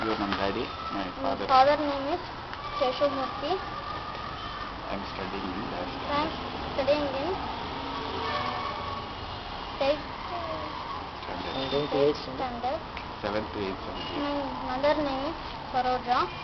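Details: School-age boy (7th–8th standard) stammering since about age five or six, struggling on individual words; after fire therapy, father reports about 75% improvement, boy estimates 25–30%; stuttering.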